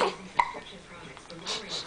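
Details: Baby boy with hiccups: a single sharp, brief hiccup followed by soft adult talk; an ordinary infant hiccup.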